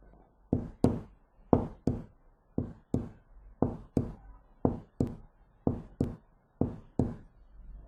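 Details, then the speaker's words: Teaching demonstration of normal heart sounds: steady paired lub-dub S1 and S2 at about 60 beats a minute, two sounds per beat in a normal rhythm, played before a three-sound gallop for comparison. "نسمع كده. الاول الصوت العادي بتسمعه"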